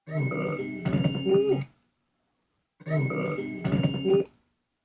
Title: Little burp and big burps